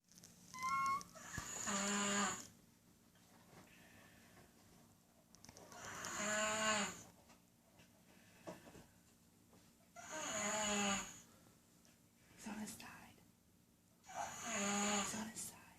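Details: Snoring at 19 months old: slow, loud, rumbling snores with a whistling, nasal quality, about 14 a minute, separated by quiet breaths; snoring.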